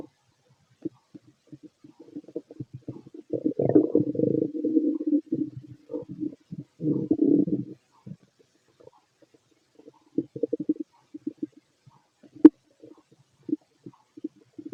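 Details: Fit adult male's abdomen through a stethoscope during digestion of a mixed meal: irregular gurgling and rumbling bursts, ordinary active bowel sounds.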